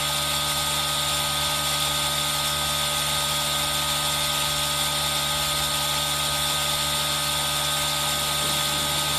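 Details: Aerosol nebulizer running, recorded with rain sound for ASMR: steady mechanical whirring hum with layered hiss; nebulizer running.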